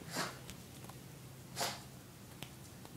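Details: Dog (Onyx) snorting or sneezing: two short, faint nasal bursts with small sniffs between them.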